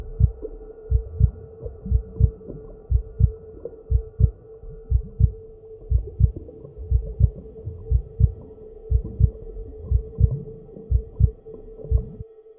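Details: Deep, muffled heartbeat in steady paired thumps at about 60 a minute over a low constant hum, meant to sound like a heartbeat heard from inside the womb.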